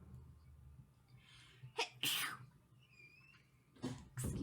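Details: An adult streamer sneezes on a live stream in a quiet room: a quick catch of breath, then an explosive sneeze, with a second sneeze starting at the end; sneeze.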